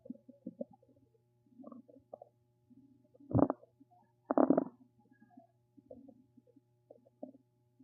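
Irregular low gurgles and rumbles with two louder, longer bursts of bowel gas movement; ordinary stomach rumbling.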